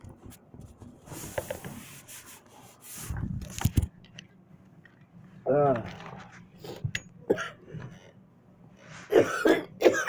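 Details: Adult coughing and sneezing while complaining of being itchy: several short, harsh bursts of ordinary coughs mixed with brief vocal sounds.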